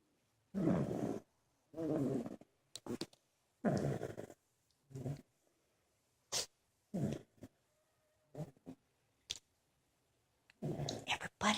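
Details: Several sleeping family members, including an uncle and a nephew, snoring: loud, rough, rattling snores alternating with quieter breath noises, irregularly spaced.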